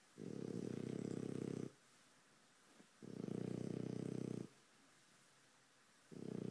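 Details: Loud, rough, low, rattling snores on each breath in bursts of about 1.5 seconds, separated by quiet pauses, roughly 20 breaths a minute: snoring.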